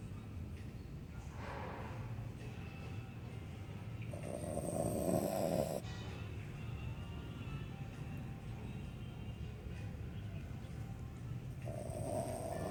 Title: snoring doggy